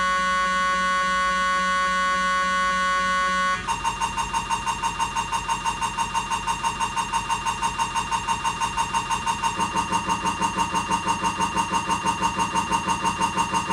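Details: Siemens MAGNETOM Lumina 3 T MRI scanner during an abdominal exam: a steady electronic tone gives way to loud, rapid, regular buzzing pulses; diffusion-weighted sequence MRI scanner noise.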